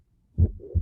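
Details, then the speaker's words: Low heart sound followed by a steady, intense murmur of constant intensity from S1 to S2: holosystolic murmur of chronic severe mitral regurgitation. "Y bueno, se supone que así debería de escucharse cuando haya una insuficiencia mitral crónica grave."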